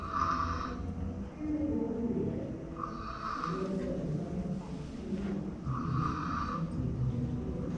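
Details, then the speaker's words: Boy aged 1 year 2 months with grade 4/4 tonsil and adenoid hypertrophy on X-ray: loud, labored snoring with marked respiratory effort and strained, noisy breaths, recurring all night; pediatric snoring with obstructive sleep apnea. "Como ves, son ronquidos bastante audibles, ¿no? Con un esfuerzo respiratorio bien marcado."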